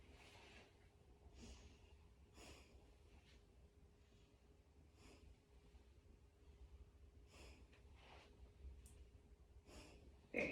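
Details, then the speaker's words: Adult female patient taking slow, deep mouth breaths during a nursing chest auscultation with a stethoscope: soft airy breath sounds, clear, with no adventitious sounds, wheeze or crackles and no accessory muscle use; normal deep breathing. "good so her bread sounds were clear there was no adventitious sounds uh noted and she breathes normally with no use of her accessory muscles"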